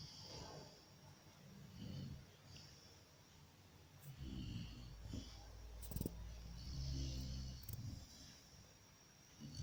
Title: Golden retriever puppy snoring